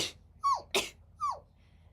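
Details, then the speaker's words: An adult streamer sneezes, possibly from dust from the tea: a quick run of small, high-pitched squeaky sneezes, an ordinary harmless sneeze. "I usually mute when I sneeze. So, if you ever wondered what it sounds like when I sneeze, that's I usually mute."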